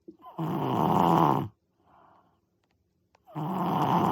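Loud, rough, rattling breaths in with pauses between them, typical of heavy snoring.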